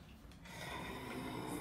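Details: Snoring heard in a Halloween-themed clip about sleep apnea and sleep apnea mouth guards (oral appliances).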